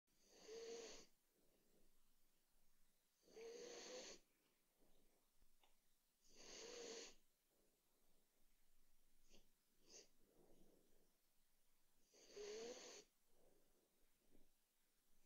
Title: Chewy Snores (ASMR)